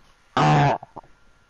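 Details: A single loud, harsh, voiced cough burst from a gamer during play, followed by two faint short after-sounds.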